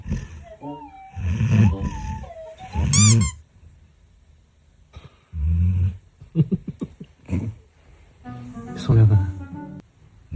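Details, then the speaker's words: Sleeping Golden Retriever snoring loudly: about four low, rumbling snores with background music playing over them. "你知道吗？我是他身上360度环声呼噜，而且是骨传，太响了，贝贝，贝贝，舒服，呼噜声小一点，呼噜声小一点，这个枕头不称职。"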